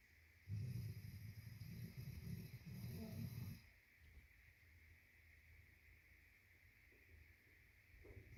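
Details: A sleeping girl gives one long, low, rattling snore lasting about three seconds, then quiet breathing with faint room hiss. Snoring.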